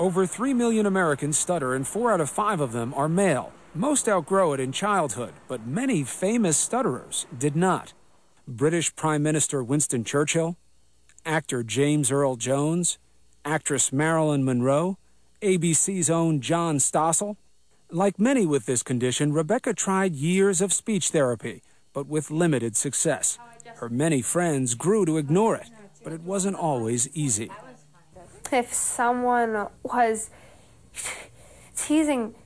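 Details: Adult male narrator; no speech disorder.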